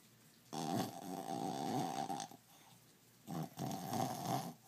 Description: Zola- our 2 year old brussels griffon snoring like a hog.